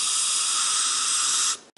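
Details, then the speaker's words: Dental air-water syringe air spray pointed directly down into the gum pocket toward the sulcus to deflect it open during periodontal debridement; steady sharp hiss of compressed air about one and a half seconds, then cut off. "if you want to see down in a pocket you just use the air directly down into the pocket point it right towards the sulcus"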